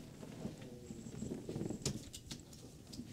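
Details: Adult man with hiccups: several brief, sharp, squeaky catches over quiet background noise.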